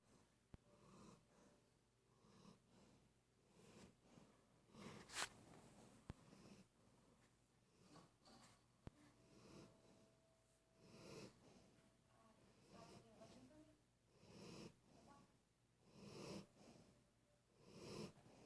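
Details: Light snoring during sleep: quiet, rhythmic snorting breaths in a small room.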